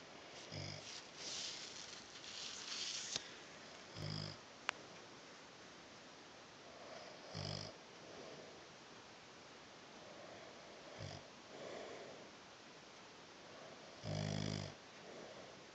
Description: Watch as the snoring gets louder and louder!! love this man!!